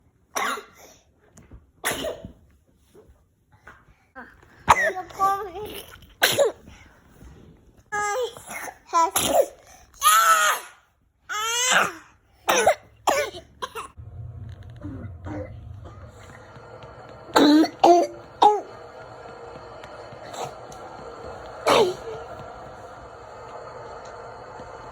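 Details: A child coughs repeatedly in short harsh bursts, some in quick clusters, with faint household background noise, recorded for a video-call doctor appointment.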